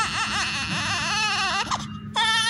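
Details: Loud, high-pitched wails with rising and falling pitch from a healthy 2.8 kg newborn: a normal newborn cry.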